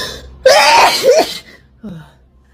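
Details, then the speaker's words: An adult woman's massive, intense sneeze: a forceful, loud sneeze with a trailing voiced tail, then a brief softer throat sound; described as a cough with a sneeze. "had a cough with a sneeze that was a good one"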